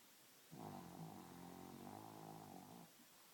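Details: Two-year-old female pug sleeping at night: one long, rattling, buzzy snore lasting about two seconds from a small flat-faced dog.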